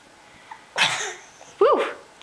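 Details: Child sneezing twice, sharp bursts of breath and voice in a quiet room; others respond "bless you." Sneezing.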